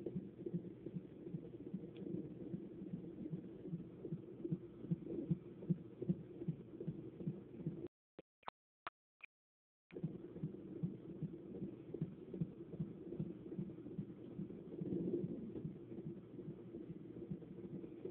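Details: Our baby's heartbeat on fetal Doppler: rapid, regular whooshing fetal heart tones at about 150 beats a minute, a normal fetal rate.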